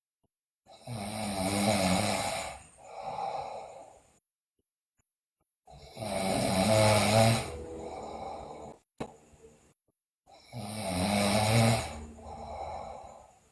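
Loud, rough snores on each breath in, about 13 breaths a minute, with quieter breaths out between them: loud snoring during sleep.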